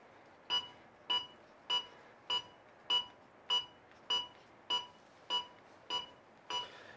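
Steady, even electronic beeps at about 100 a minute, pacing chest compressions during CPR after a shock.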